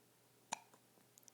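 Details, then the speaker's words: Baby boy hiccups: a single sharp, brief vocal hiccup in a quiet room, with faint small sounds after it. "trying to hide the hiccups Oh"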